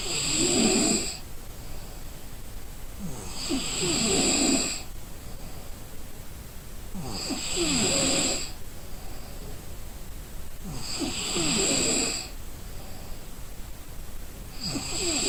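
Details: Exhausted person asleep gives regular rattling snores, about 16 a minute, each with a rough low buzz and a hiss, in a quiet room; snoring.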